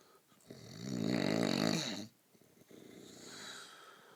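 One loud, rattling snore on the in-breath, then a quieter breath out; snoring.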